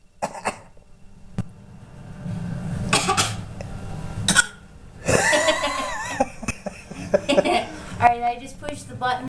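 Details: Voluntary fake cough from a 5.5-month-old infant at home: short, deliberate cough-like bursts mixed with babbling vocal sounds.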